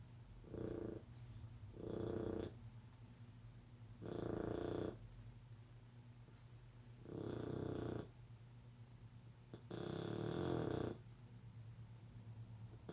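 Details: Blue Shar-Pei dog snoring loudly while asleep, recorded before his surgery: five rough, rattling breaths over about thirteen seconds, near five a minute, with a steady low room hum.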